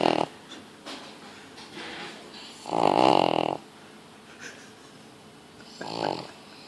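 A small dog snoring, with short rattling snores between quiet breaths.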